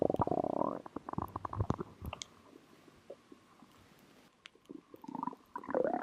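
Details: Stomach growling (borborygmi) recorded after drinking cola: bursts of gurgling, bubbling and squeaky belly rumbles with quieter stretches between.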